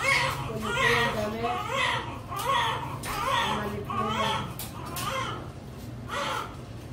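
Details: Repeated high-pitched wails, about 77 cries a minute, strong and sustained, from a newborn baby girl just after a normal spontaneous delivery; a normal vigorous newborn cry.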